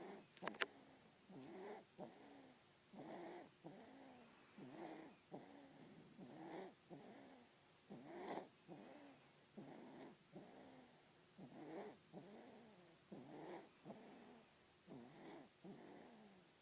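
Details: Baby snoring like her father: soft, regular snoring on each breath, about 35 breaths a minute, with a fluttering, snuffly quality.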